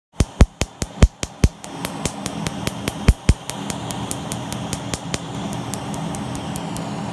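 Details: Sharp snapping clicks, about 97 a minute and somewhat irregular, over a fan hum: pulses of a PiQo4 picosecond laser during a tattoo removal treatment.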